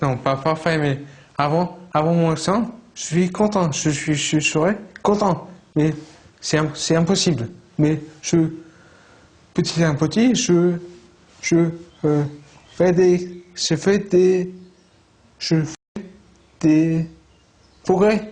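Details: Aphasia in a 35-year-old man, present about 15 years after a traumatic brain injury, with word-finding and working-memory difficulties.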